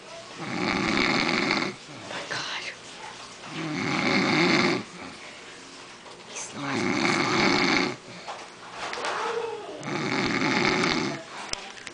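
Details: Adult man snoring after margaritas, sleeping deeply: loud rhythmic snores, about four in twelve seconds, each a rattling throaty in-breath with quieter out-breaths.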